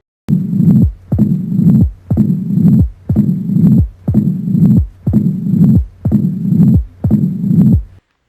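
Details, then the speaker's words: Mitral stenosis (mitral narrowing) auscultation: slow regular heartbeat with loud S1, opening snap and long low diastolic rumble filling each pause, the Duroziez triad of mitral stenosis. "c'estàd l'éclat de B1 le rlement diastolique le claquement de vitral ég rythme de dur et ce rythme se présente en cas d'un rétréissement mal on entend ce bruit de cette"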